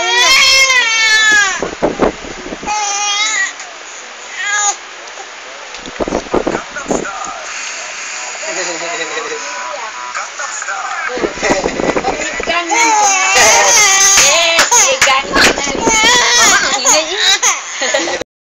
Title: baby crying part 2